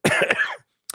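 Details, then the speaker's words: A hoarse speaker getting over a cold gives a single rough, throaty cough or throat clear lasting about half a second, then silence. "Sorry if I sound a little hoarse. Just getting over a little cold here."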